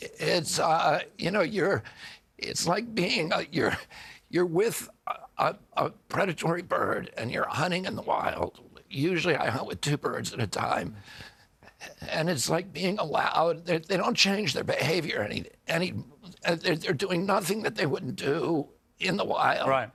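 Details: Adult man with spasmodic dysphonia (he calls it spasmodic dystonia), a neurological disorder that began at age 42 after a 1996 injury. His vocal cords are uninjured. Surgery in Kyoto about eight months earlier made his voice more reliable; he is now trying alternative therapies.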